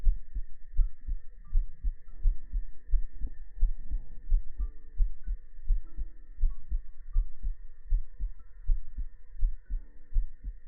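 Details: Steady, low thumping heartbeat of about 83 a minute under a soft hum and faint tones, from the heart-sound segment of a sleep ASMR stream with ear massage; normal heartbeat.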